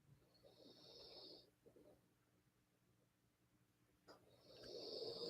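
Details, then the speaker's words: Sleeping Aussie dog giving two snoring breaths separated by a quiet pause, heard during a meditation, with a steady low room hum underneath: snoring. "hope you guys can hear aussie snoring because i think that's like a really beautiful i i love meditating to the sound of aussie snore"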